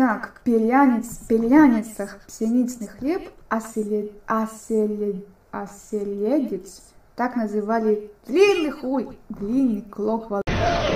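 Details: Streamer with Tourette syndrome; vocal tics with coprolalia, sudden obscene interjections occurring mid-sentence.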